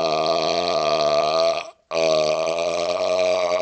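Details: Burping outdoors on a second-floor porch during a cold snowstorm: two long, loud, tonal belches separated by a brief pause.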